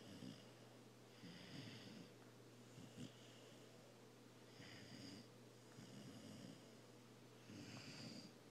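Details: Cane Corso puppy about 20 weeks old snoring while asleep, loud like a freight train: rhythmic rasping snores with each breath, about seven breaths a minute, over a steady low hum.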